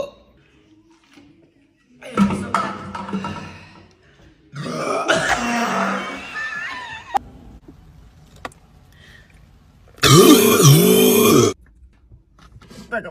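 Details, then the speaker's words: Sprite challenge, drinking Sprite and trying not to burp: several loud, drawn-out burps separated by pauses, the last long and voiced, with laughter nearby. "Sprite challenge moments cup with straw collision. These burps are next level."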